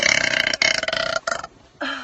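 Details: Young woman deliberately burping on camera: a loud, rough, drawn-out burp broken into pulses, then a brief voiced sound; burp (eructation).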